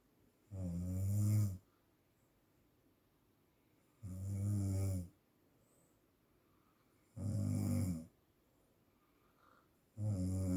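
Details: Heavy snoring: loud, low rattling snores on each breath in, about 19 a minute, with quiet pauses between.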